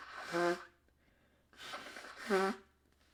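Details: Two sneezes in a quiet room, each a noisy rush of air ending in a short voiced burst.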